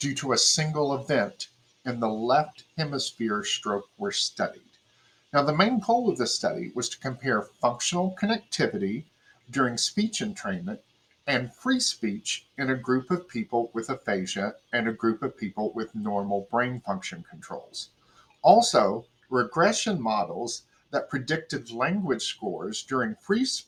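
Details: Adult presenter; typical speech.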